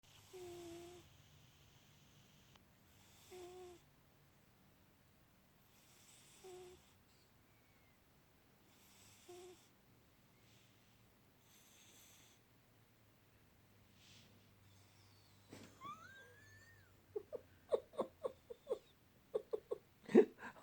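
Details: Sleeping pet snoring: regular soft snores with a slight whistling tone, about 20 breaths a minute.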